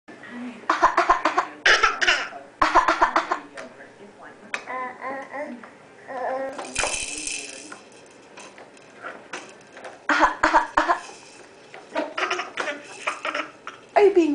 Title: fake cough